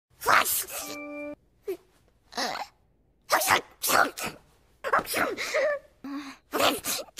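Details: Simulated sneezing from the animated series Gosick: a series of acted cartoon sneezes with gasping lead-ins and a short music sting.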